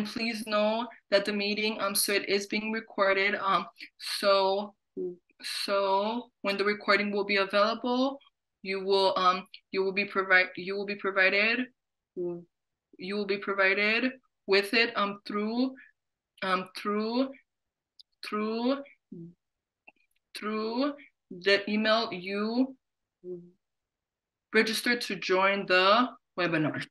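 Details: Adult who stutters, hosting a webinar on careers; word and phrase repetitions are audible; stuttering.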